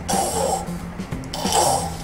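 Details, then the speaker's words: Two strained, hissing breaths with a low rough flutter as air cannot pass properly into the throat; hypopnea, shallow partly obstructed breathing during sleep. "이처럼 숨이 제대로 들어가지 못하는 소리죠."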